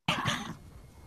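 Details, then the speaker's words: A single low, breathy, non-explosive cough from a bighorn sheep, with bighorn sheep dying of viral pneumonia in the American Rockies: described as a bovine cough despite the ovine species. "I'm playing this video because that's a good illustration of what has been described as a bovine cough, even though we're looking at an ovine species"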